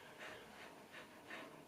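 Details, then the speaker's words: Dog (Maja) with epilepsy, at the end of a seizure, mouth all wet, which owner says signals the attack is ending; rapid breathy panting, about four breaths in under two seconds; post-ictal panting. "teraz będziesz tak właśnie ziać jest cały mokry pyszczek to znak że wszystko się już kończy"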